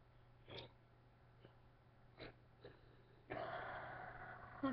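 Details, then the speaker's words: Hiccups during a breath-holding and eyebrow-pressing remedy done with a sibling's help: four short, sharp catches of breath about a second apart, then louder noise. "That was actually more than 30 seconds. Okay. I am hiccup free. So that's how you get rid of the hiccups."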